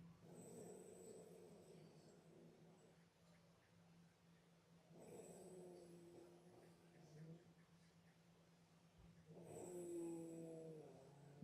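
Three rough, rattling snores with a whistling tone, about 13 breaths a minute, over a steady low background hum. Dog snoring.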